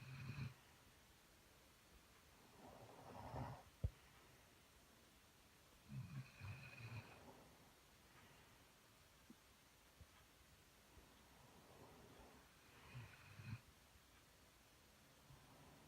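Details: Carolina Dog and her owner both asleep and snoring on a cold January night at 8:45 pm: low rumbling snores about every five seconds, roughly 12 breaths a minute, over faint room hiss.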